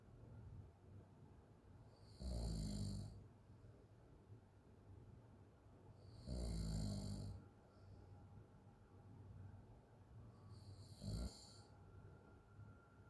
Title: sound of someone snoring Crazy open mouth snoring - Leelate